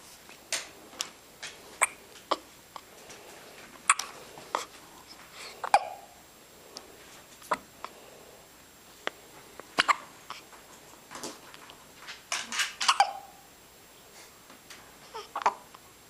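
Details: Baby with hiccups: brief, sharp gulping hiccups repeating irregularly, roughly twenty over sixteen seconds, in a quiet room.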